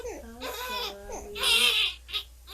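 An infant makes high-pitched, crowing, partly harsh noisy breath sounds between vocal sounds, fitting inspiratory stridor from laryngomalacia.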